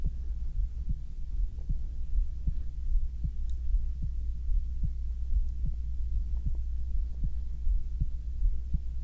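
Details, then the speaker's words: A man's own heartbeat recorded binaurally for ASMR: steady, soft thumps at about 77 a minute over a low hum; a normal heartbeat. "大家好我是今天呢是心跳聲的陪睡影片大家也做睡覺的準備點上香芬一起睡覺吧有好好地聽到心跳聲嗎?"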